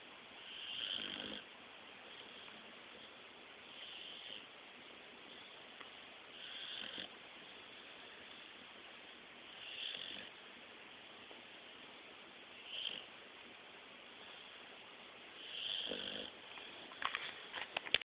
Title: blue nose snoring.3GP